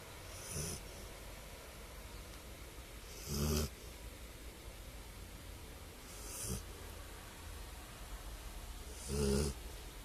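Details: Dog taking a nap: low snorting snores about every three seconds, roughly 20 breaths a minute, over steady background hiss; snoring.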